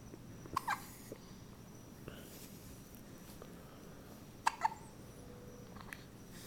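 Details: 1-week-old baby with frequent hiccups: two pairs of brief, abrupt catching sounds over quiet room noise; normal newborn hiccups.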